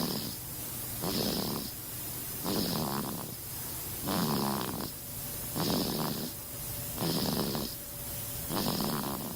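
Steady rhythmic snoring, about seven noisy breaths in nine seconds (roughly 40 a minute), with rough fluttering on each breath over room hiss.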